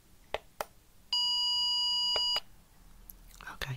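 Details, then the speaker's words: Simulated hearing-test roleplay, pure-tone audiometry with plug occluding the other ear: steady pure beep just over a second at 1000 Hz, 80 dB, amid soft handling sounds; pure-tone audiometry test tone. "Now I'm going to present some sounds. Just say if you hear the sound, please. We're going to start at 1000 Hz and 80 decibels."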